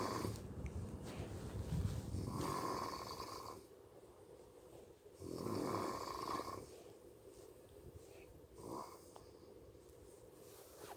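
Repeated harsh, rumbling snores with quiet gaps between breaths; loud snoring.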